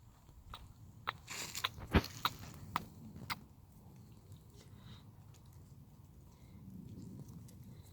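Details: Female puppy grinding her teeth: irregular sharp crunching and grating clicks over low room noise.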